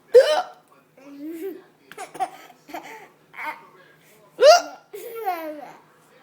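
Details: Hiccups from an adult mother: sharp, abrupt vocal catches, each followed by giggles and laughter from her 19-month-old baby.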